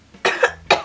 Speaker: excuse my voice I think I'm coming down with a cough